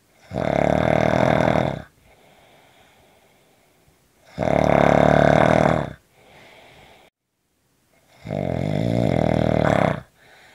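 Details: Short snoring recording: loud, rough, rattling snores on each breath in, quieter breaths out between; three snores over about ten seconds.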